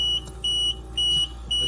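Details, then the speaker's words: Invacare home oxygen concentrator kink/blockage alarm: rapid repeating high-pitched beeps when the oxygen tubing is occluded, e.g. caught under furniture. "i'm going to demonstrate what the kink or blockage alarm sounds like this could happen if your tubing becomes occluded you get a key you get it caught underneath piece of furniture there you go it's going to give you that rapid beat"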